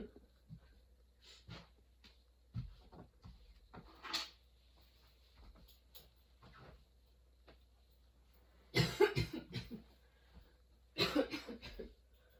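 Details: Sudden-onset prolonged coughing fit: repeated quiet coughs with strained breaths, then two loud clusters of harsh coughs; nonstop, worsening, bringing tears, patient changing positions for comfort.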